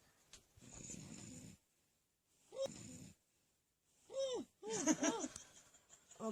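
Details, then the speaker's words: Adult woman (a mother) snoring loudly while asleep in a shared touring caravan: loud, rough snores with silent pauses between breaths, then a startled waking voice; snoring. "You're snoring, man. Sorry. Really badly."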